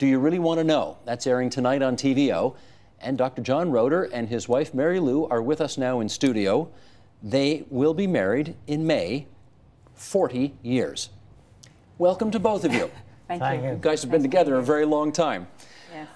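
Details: Adult male television host, with brief replies from guests; ordinary speech.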